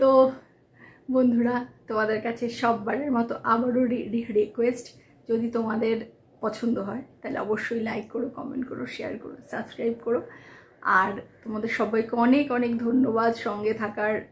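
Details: Adult Bengali-speaking woman who says she has stammering issues and sometimes has difficulty speaking, with word repetition in her speech; stuttering.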